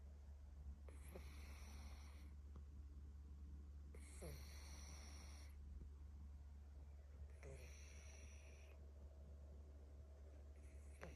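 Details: A Himalayan/Persian cat snoring heavily: regular snoring on each breath in, about 16 a minute, over a steady low hum in the background.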